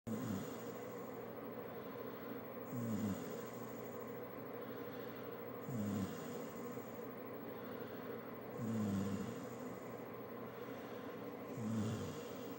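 Regular low rumbling snores alternating with airy exhales, about 20 breaths a minute, over steady room hum: snoring during sleep.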